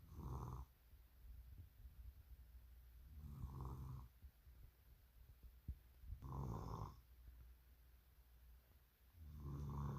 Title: when snoring overruled a chicken 🐔 Nuggets